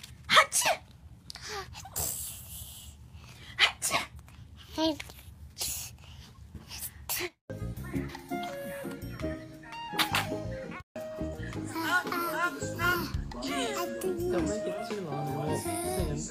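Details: Several short sharp sneeze bursts at a wrong time and place, then music and speech take over: sneezing.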